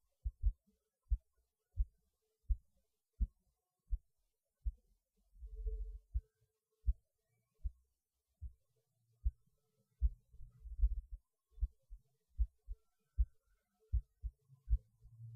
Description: Here's my heartbeat while I was eating lunch. While I was eating, I felt my heart beating kind of hard, which is normal for me when I eat, so I stopped eating for a bit to record my heartbeat.